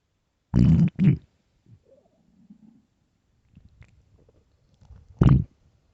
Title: hungry stomach growling and crying for food (starving) LOUD